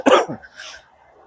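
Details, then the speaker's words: Adult man outdoors at a bushcraft camp with a self-described chesty cough: one short, harsh cough burst followed by a breathy in-breath; chesty cough. "As you can hear, I have got a bit of a chesty cough."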